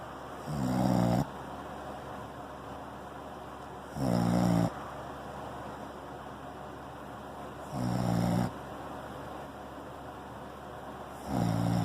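Soft, regular low snores about every 3.7 seconds, roughly 16 a minute, over steady room noise. Plain snoring.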